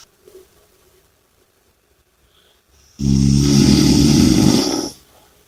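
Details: Snoring: quiet breathing, then one loud, rough, rattling snore lasting about two seconds.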